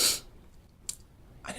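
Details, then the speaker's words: Single sharp, hissing sneeze burst, then quiet with a faint sniff, from a person who is sick, recorded mid-talk on a sick-day vlog. "i think i'm about to sneeze again thank you okay we're good i'm okay"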